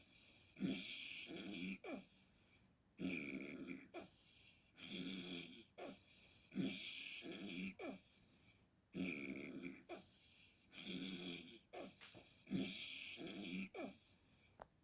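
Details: Mother's snoring, described as really bad: loud, rough, rattling snoring in repeated bursts with each breath during sleep in a quiet room.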